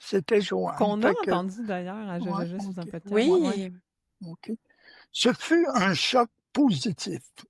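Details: Stuttering in an adult woman who stutters and is a speech-language pathologist, with a part-word repetition.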